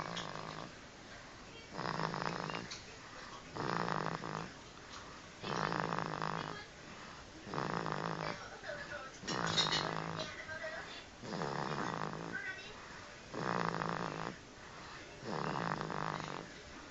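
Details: A baby boy taking a little nap, making a funny snore: rhythmic, rattling snores about every 2 seconds, around 30 a minute, with quieter breaths out; snoring.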